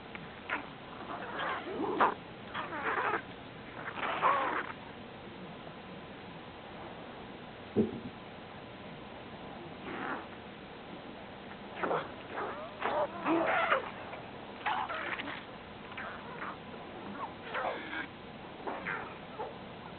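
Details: Twelve-year-old Golden Retriever, asleep, has irregular bursts of loud gurgling, squeaky rumbling from the belly, which the owner thinks is indigestion: borborygmi, loud stomach growling.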